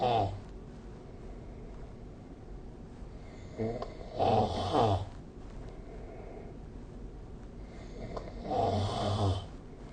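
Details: Loud, rattling snores recur every few seconds over quiet room noise, some in double bursts, recorded with the SnoreLab app during sleep; snoring.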